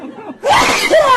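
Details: Baby sneezing then laughing: a quick breath in, a short sneeze burst, then a bright laugh-like vocal sound.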